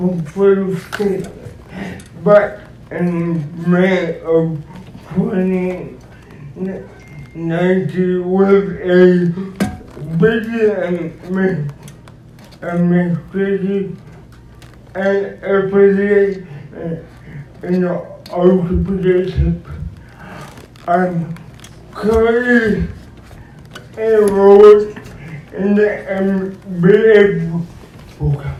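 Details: Dysarthric speech in an adult male described as physically challenged and speech-impaired, who uses a wheelchair and needs a personal care assistant; cause not stated.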